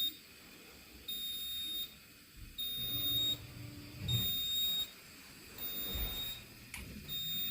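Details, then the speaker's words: Repeated high-pitched electronic beeps, roughly one every 1.5 seconds: an oxygen analyzer alarm going off on room air (21%) while a respiratory therapist sets up heated high-flow nasal cannula as a demonstration; alarm limits are low 21, high 97. "you can already tell that your alarm is already going off room airs 21% right here we have a static 21"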